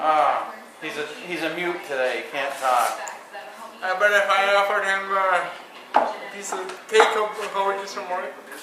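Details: Man with cerebral palsy who uses a power chair, speaking while working on a chainsaw; no speech disorder is named, so dysarthria is unconfirmed. Dysarthria.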